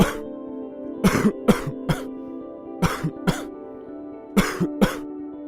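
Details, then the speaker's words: Short, abrupt, somewhat heavy coughs in three bouts without rattle; dry, non-productive cough without phlegm, worse at night, typically accompanying a viral cold. "بتبقى الكحة فيها ما بيخرجش معاها بلغم، بتكتر أكتر بالليل وصوتها قصير وتقيلة في صوتها شوية زي الصوت ده."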